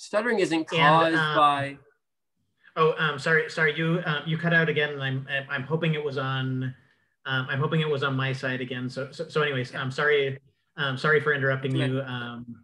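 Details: Cluttering in an adult man who reports having it, with word and phrase repetitions, interjections, revisions and telescoping (dropped sounds and syllables), especially when talking fast.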